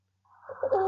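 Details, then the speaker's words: Stridor: brief, harsh, high-pitched crowing breath sound indicating upper airway obstruction (trachea, larynx), e.g. vocal cord paralysis, croup, epiglottitis; requires medical intervention. "it is often indicated for obstruction in Upper Airways such as trachea and larynx it requires medical intervention if it is present"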